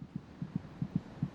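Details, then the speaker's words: Fetal heartbeat at 26 weeks' gestation: rapid paired low thumps at about 150 a minute, about twice the mother's rate; normal fetal heartbeat. "it's quite loud the fetus's heart beats about twice as fast as her mother's monitoring the baby's heartbeat gives a good indication of her General"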